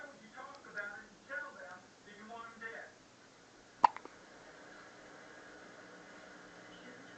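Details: Infant making soft vocal sounds, then one sharp, sudden hiccup with faint after-clicks, while also pooping; infant hiccups.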